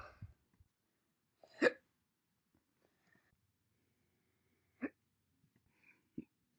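About four short, sharp hiccups, each a sudden throaty gulp, separated by silence.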